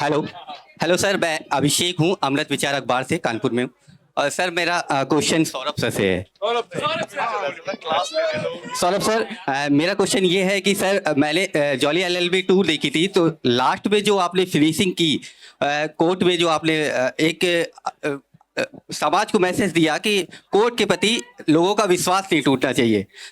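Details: Adult man; Typical adult speech.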